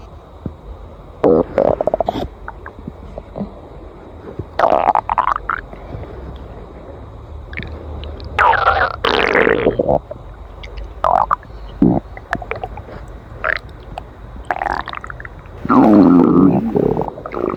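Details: Irregular bubbling, gurgling and squeaky belly rumbles over about 18 seconds; ordinary bowel sounds of gas and fluid moving, stomach growling (borborygmi).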